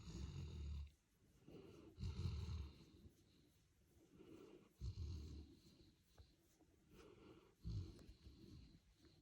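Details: Golden retriever sleeping after a long day at the beach, snoring: low rumbling snores, about four in nine seconds, somewhat irregular in timing.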